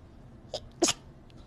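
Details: Japanese voice actor sneezing: brief intake, then one sharp, explosive burst of air, with quiet room noise; a single sneeze.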